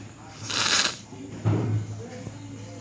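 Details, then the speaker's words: Single sneeze by a teacher during a lesson: brief hissing burst of air then a sharp abrupt release over faint steady room hum; sneeze. "I'm sneezing, you can hear it."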